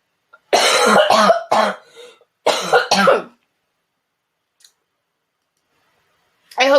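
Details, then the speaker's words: Adult getting over a cold, coughing off camera during a live stream: a short run of harsh, forceful coughs with a throat-clearing quality, then quiet. "didn't hear the coughing i hope that muted i think it did oh oh shoot i'm gonna cough again hold on"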